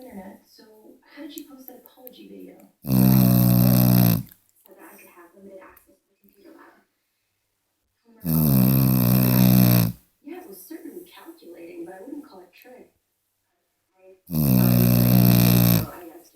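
Very loud, long rasping snores about every six seconds, with television dialogue in the background between them.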